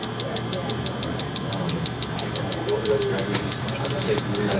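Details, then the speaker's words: Focused shockwave therapy, intensity cued to about 4–5 out of 10 discomfort: sharp clicking pulses, about three a second, over room hum and faint talk. "so we're doing the focus shock wave we're not aiming for the most uncomfortable thing in the world"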